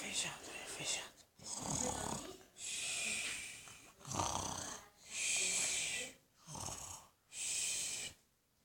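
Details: Playing at snoring: simulated, mimicked snoring with raspy, hissing in- and out-breaths in an uneven rhythm, about 25 per minute, not real sleep.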